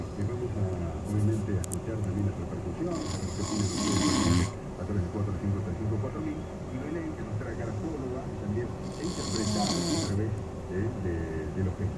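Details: Adult snoring: loud, rough snores recurring over a background of radio talk; typical snoring.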